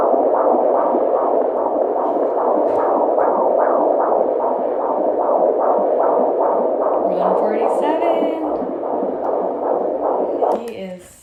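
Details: Rapid, regular whooshing pulses at about 140 a minute over a steady hiss: a fetal heartbeat heard by Doppler at about 31 weeks of pregnancy, near the third trimester.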